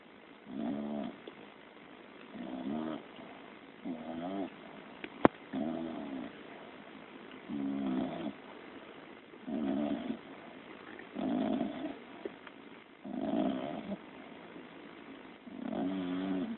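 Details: Soft, regular, rattling snores, about nine in seventeen seconds (roughly thirty breaths a minute), in a quiet room during sleep; snoring.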